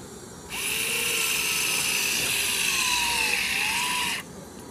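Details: Powered intraosseous drill whines steadily for about four seconds, then stops, as an intraosseous needle is drilled into a patient's shin (tibia) for emergency intravenous infusion access.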